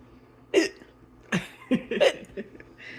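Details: Baby boy with repeated hiccups after an unsuccessful burping attempt, not crying: several short, sharp voiced catches in quick succession in a quiet room.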